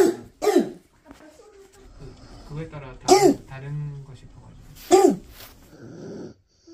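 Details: Young child gives about four harsh, barking, seal-like coughs; croup cough.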